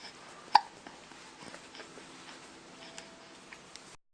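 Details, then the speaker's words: Two-month-old baby boy: a single sharp, abrupt hiccup, then quiet room noise with faint small clicks; infant hiccups. "You got those hiccups. You got those hiccups."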